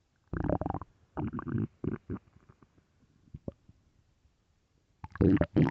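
Low, gurgling rumbles in several bursts with quiet gaps: stomach growling, ordinary gut sounds often linked to hunger.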